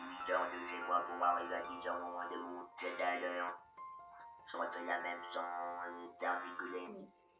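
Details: Electrolarynx speech by a laryngectomized patient, saying a sentence first with normal articulation, then with reduced articulation.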